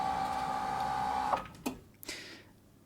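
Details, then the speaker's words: A steady electric motor whine that winds down and stops, then a few mechanical clunks: a hospital bed motor starting, running and shutting off, played as a sound-effect file. "here we have an electric motor hospital bed wave file sounds like this"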